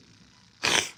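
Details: Sneeze from an adult man who says he is still sick.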